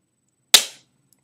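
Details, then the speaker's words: Demonstration firing of an expiring epinephrine auto-injector (EpiPen), not into a person, needle pressed down with scissors: one sharp snap then brief hiss as medicine sprays across the room; auto-injector firing. "little safety thing I don't know if it showed up on camera but the medicine just sprayed right across the room"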